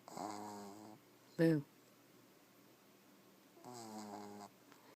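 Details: Sleeping male on a computer desk, one eye open and the other closed, with two drawn-out, buzzing snores several seconds apart and a brief louder snort between; room hiss; snoring.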